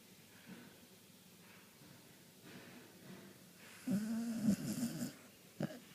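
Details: A dog (Lady) sleeping with her eyes wide open: soft breathing, then a louder rattling, low-pitched snore over a second and a brief snort; snoring loud enough to wake Idefix.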